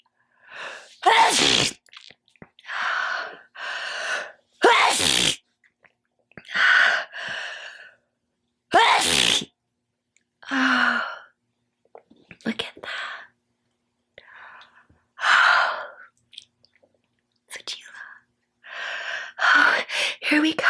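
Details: Several loud, wet, forceful sneezes, each preceded by a sharp indrawn breath, with quiet breathing between.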